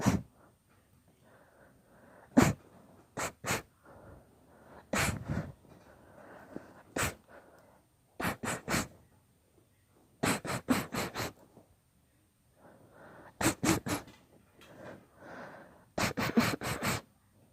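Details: Long series of sharp sneezes in quick clusters with breathy build-ups between them, in a long deliberately induced sneezing fit; sneezing fit.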